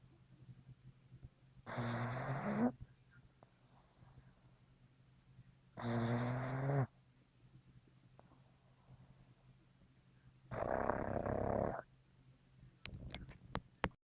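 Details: Dog in a heavy sleep lying on a person's lap, snoring: three long, rough, rattling snores a few seconds apart with quiet breathing between them.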